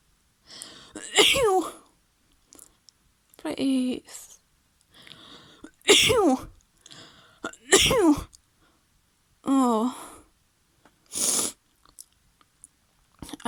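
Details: Simulated female role-play with a feather tickling the nose: a run of about six voiced sneezes with sharp intakes of breath between them; repeated sneezing.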